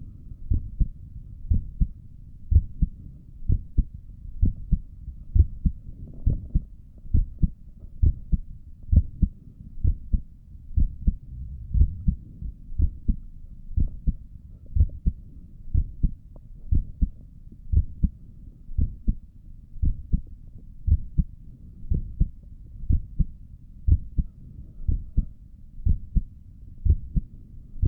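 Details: Normal resting heartbeat heard through a stethoscope while sitting at a desk for five minutes, with a visible neck pulse: a steady, regular lub-dub at about 60 beats a minute.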